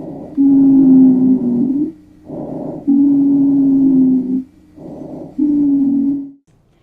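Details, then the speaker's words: Wheeze: musical, high-pitched wheezes in repeated breath cycles at about 24 breaths per minute. "a wheeze is a high-pitched noise they can be heard on both inspiratory and expiratory breaths"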